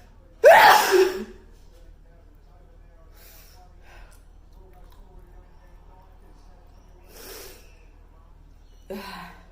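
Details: Girl sneezing during hay fever season: one loud, sharp sneeze with a high voiced burst, followed by quieter breaths and a short vocal sound.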